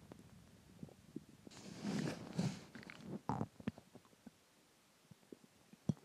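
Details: Soft gurgling rumbles, then a few small pops and bubbling clicks after dinner and water; stomach growling from gas and fluid moving through the gut.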